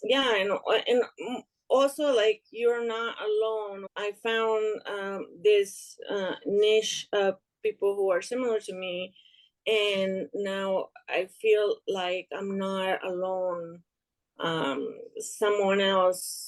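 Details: Young adult woman with aphasia after an ischemic stroke in March 2020 that left her unable to speak and affected her right side; still recovering, struggles to find and express words; aphasia.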